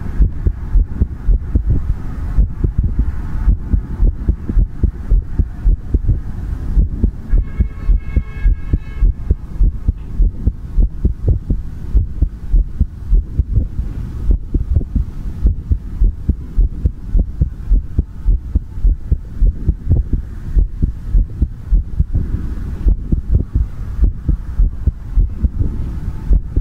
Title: ASMR Heartbeat Sound | Heartbeat Sound ASMR | 2022-02-16